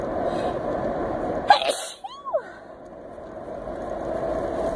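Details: Single short, sharp sneeze recorded while driving, over steady road or vehicle noise; a sneeze.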